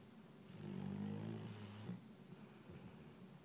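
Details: Phil in deep sleep snoring: a single loud, low, rattling snore on the in-breath over quiet room noise.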